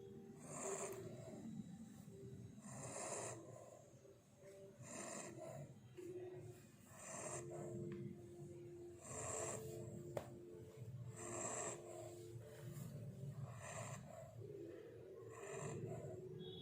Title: My little puppy is snoring. #puppy #labrador #shorts